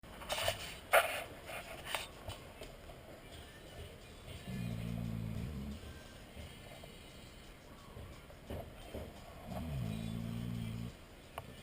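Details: Two low, buzzing human snores about five seconds apart, with background noise and faint music, after a hard night's work; ordinary snoring.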